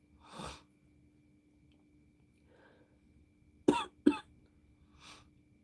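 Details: Several harsh coughs, including two sharp bursts close together, over a faint electrical hum, from an adult with bronchitis on amoxicillin and using an inhaler; cough in bronchitis.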